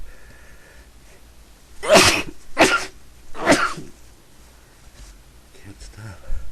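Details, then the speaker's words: Sneezing fit, repeatedly sneezing all day and unable to stop: three forceful, explosive sneezes in quick succession, each a sharp airy burst, over quiet room noise. "I have to sneeze. Sneeze again. I can't. I've been sneezing all day."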